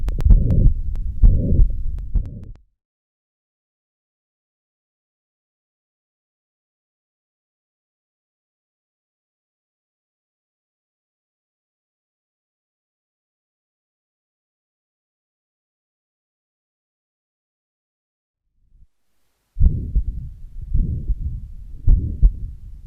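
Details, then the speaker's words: Mitral regurgitation heard with the stethoscope diaphragm at the apex: low heart sounds with a pansystolic murmur filling systole, radiating to the axilla. "the typical pan systolic or long systolic murmur which is heard with the diaphragm and it radiates to axilla"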